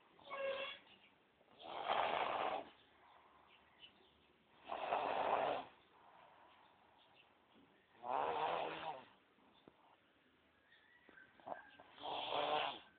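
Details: Loud, unusual snoring: five rattling snores at roughly three-second intervals with soft breaths between.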